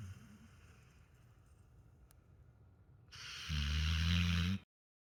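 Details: Sleeping dog on a pillow: a quiet breathing rumble, then one loud snort through the nose.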